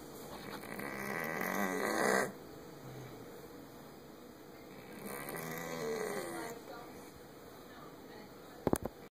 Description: Little Henri snoring after a trip to the vet